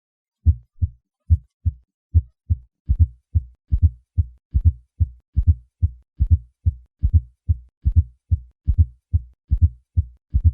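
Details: Fourth heart sound (S4 gallop): a low-pitched extra sound in late diastole just before S1 and S2, heard with the bell applied lightly at the cardiac apex with the patient in the left lateral position.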